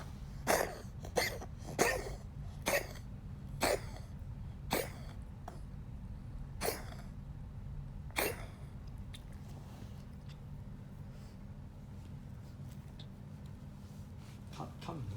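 A run of about eight short, sharp coughs over nine seconds, then quiet with a low background hum.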